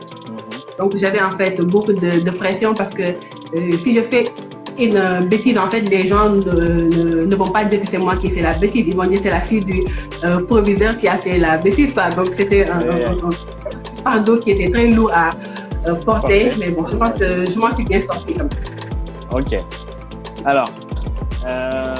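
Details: Stuttering in an adult woman from Senegal now living in France.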